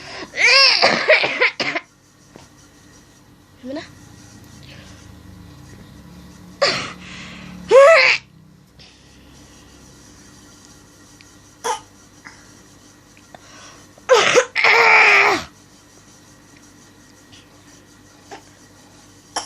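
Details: Infant imitating their mother's cough: several forced coughs in bursts, ending in retching-like gagging as if about to vomit.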